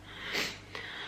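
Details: Faint, breathy sneeze from the background of a quiet room, followed by a brief sniff-like sound.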